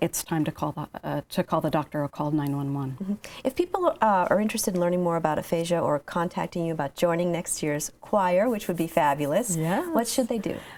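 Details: Adult women, sung phrase then conversation; ordinary speech.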